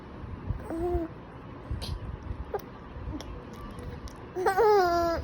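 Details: Smiling infant with hiccups: short cooing and squealing vocalizations with small catch-like hiccup sounds between them, over faint background noise; infant hiccups with vocalizing.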